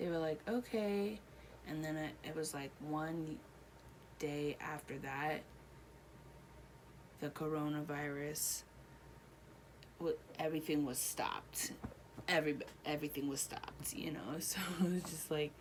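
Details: Adult woman, real patient, one year after a stroke, with Broca's aphasia and impaired reading and writing; Broca's aphasia.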